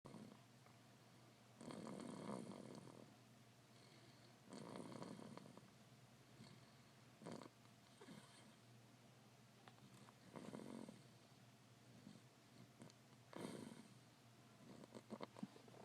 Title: Snoring